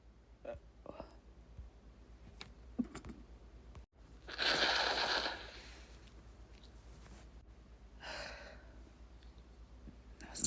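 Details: Self-induced sneezing triggered by tickling inside the nose with an object, with brief talk between attempts: two explosive, breathy sneeze bursts, the first loud and longer, the second smaller, with faint room noise.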